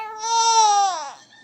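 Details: Baby's single loud, high-pitched hunger cry that rises, holds and falls, as if calling for mommy while she bathes; the baby had earlier choked slightly while crying.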